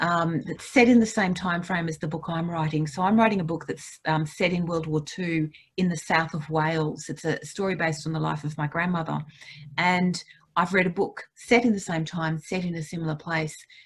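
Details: Adult woman speaking; normal speech.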